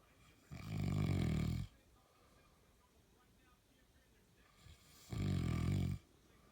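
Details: Ordinary snoring during sleep: two loud, low, rattling snores about four and a half seconds apart, with quiet breathing between.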